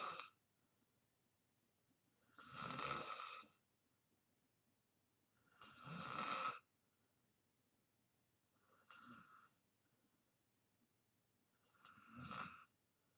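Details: Person in deep sleep, recorded as white-noise ASMR, snoring: four rough snores spaced about three seconds apart, one fainter, with quiet between them, about 19 a minute.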